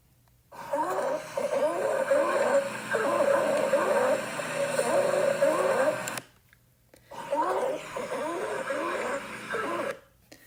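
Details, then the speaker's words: Stridor demonstrated for nursing students: harsh, high-pitched musical breathing with rising and falling tones from a narrowed upper airway, as in epiglottitis or food stuck in the throat; a medical emergency. "So this is a very high-pitched sound. It sounds like your airway is narrowing and you cannot breathe. This is a medical emergency and it has to be treated immediately."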